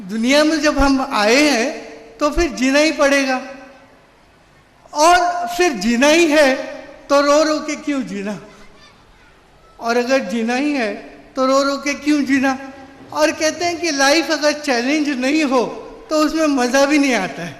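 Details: Adult man with severe cerebral palsy since birth who could not walk or talk as a child; dysarthria from cerebral palsy.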